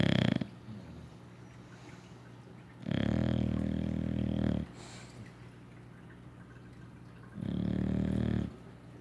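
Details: Loud, rumbling, drawn-out snores from a sleeping English Bulldog, two full snores with quiet pauses between; heavy snoring typical of a flat-faced dog.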